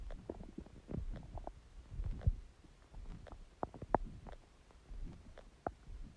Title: Stomach Growling Sound | My Stomach Makes Noises